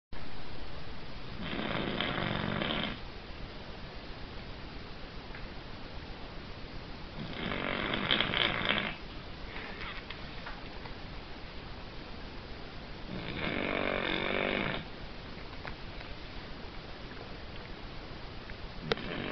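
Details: Ruby Cavalier King Charles Spaniel puppy asleep after a busy day: three rasping snores on inhalation, about five to six seconds apart; snoring.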